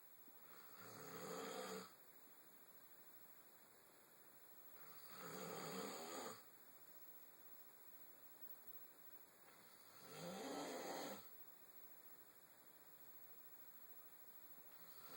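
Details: Sleeping male said not to snore: rough, noisy snores on each inhalation, about 13 per minute, with quiet pauses and a steady room hiss; snoring.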